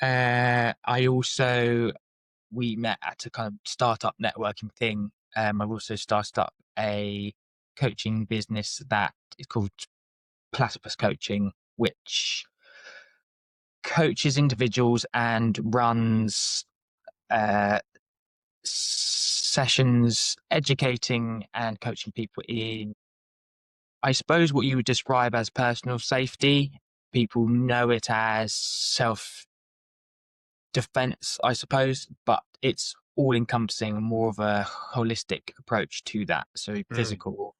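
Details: Adult man with a lifelong speech stammer, which he describes as blocks and repetitions, sometimes with mouth and neck tension, and says he does not suffer too badly; stammering (stuttering).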